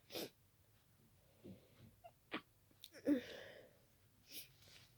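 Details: Sudden sneezing attack after an hour of itchy nose, sneezes growing faster until the nose was stuffy: several sharp bursts through nose and mouth in quick succession, faint breaths between.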